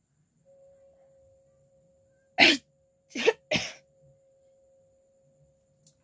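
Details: A woman in a sneezing challenge without a hanky gives three sharp, explosive sneezes, the last two close together, over a faint background hum; she also tries to stifle sneezes on viewer request.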